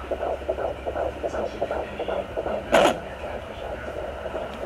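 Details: Rapid whooshing fetal heartbeat on a home fetal Doppler at 13 weeks of pregnancy, probe just below the stomach, interrupted by a louder scraping burst as the baby kicks and moves.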